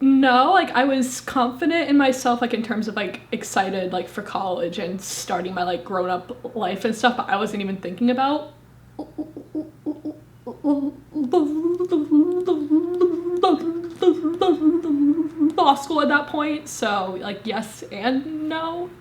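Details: Woman, 25, with a severe stutter, first recorded at 18; stuttering.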